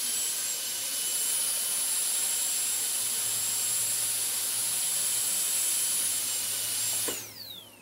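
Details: Steady high-pitched whine of a dental drill running, then winding down as it switches off, in an ASMR sleep-sound recording.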